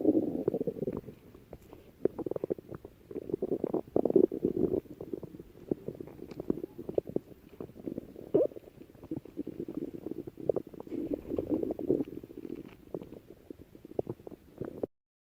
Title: stomach growling